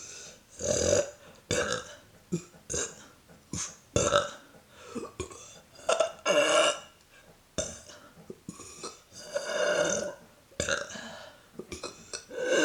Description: Neck view of burps when swallowing air.